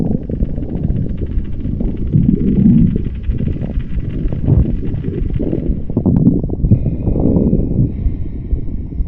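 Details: Continuous low rumbling and gurgling with soft bubbling pops; soft stomach growling from gas and fluid moving through the gut.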